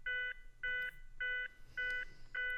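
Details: Defibrillator CPR metronome prompt tones from a ZOLL Zenix hospital defibrillator/monitor during timed 2-minute CPR cycles in AED mode, in a pediatric/neonate instructional demonstration.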